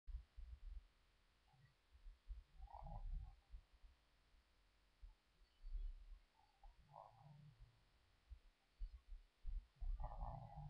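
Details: Child snoring inside a car, recorded on a webcam.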